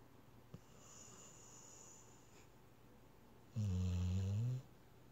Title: snoring